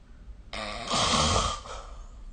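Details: Snoring during sleep recorded with the SnoreLab smartphone app: one noisy inward breath with a low, rattling flutter lasting about a second, then a softer outward breath, a single snore.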